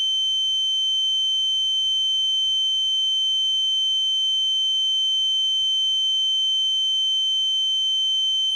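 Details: Steady, piercing high-pitched tone that continues without change; a simulated ear-ringing sound effect imitating tinnitus.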